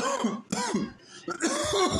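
Repeated forceful, strained coughs in quick succession, a coughing fit such as follows choking.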